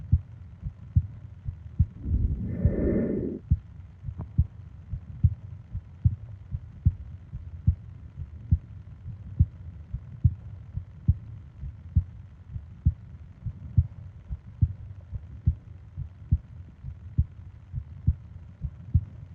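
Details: Heartbeat-and-breathing sleep ASMR recording: steady low thumps at about 70 per minute, with one brief breath-like swell early on; a regular, normal heartbeat.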